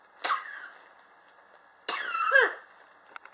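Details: Persistent cough in a person, ongoing since summer 2016 and still present in 2019: two harsh, dry cough bursts about a second and a half apart, the second ending in a brief throaty voiced sound.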